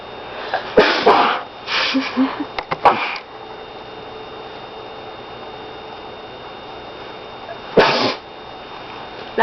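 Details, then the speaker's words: People deliberately smell laundry detergent (not snorting it) to make themselves sneeze: a quick cluster of sharp, breathy bursts, then one more a few seconds later, with laughter; repeated sneezing. "okay so we're going to be oh taking laundry detergent putting it next to our nose and making ourselves sneeze"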